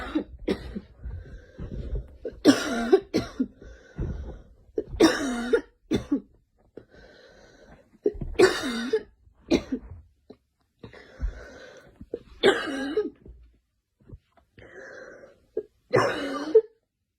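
Repeated coughing fits, about six bouts of several coughs each with breaths between; a child coughing.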